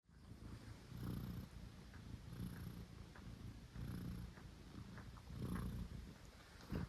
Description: Stitch the cat got hiccups but it didn't stop him from purring loudly.